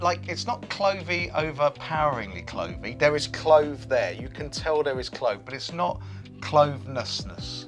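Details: Adult speaker; normal voice.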